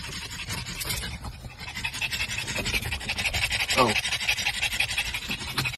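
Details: Pug, a flat-faced dog: fast, loud, rumbling engine-like panting breaths with a rattly quality and faint steady tone behind; noisy upper-airway breathing (stertor).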